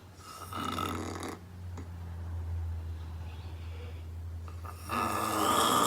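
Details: Woman asleep on a couch snoring extremely loudly, audible from across the room: loud, rough snoring breaths at start and end with a low steady room hum between; snoring.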